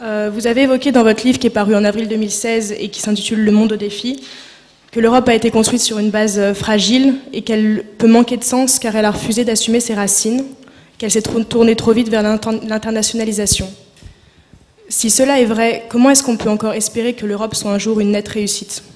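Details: Adult speaker; Normal voice.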